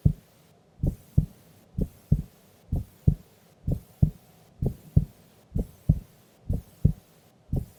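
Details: Female recorded asleep during an afternoon nap: steady, regular, clear paired lub-dub heartbeats at about 63 beats a minute; normal heart sounds.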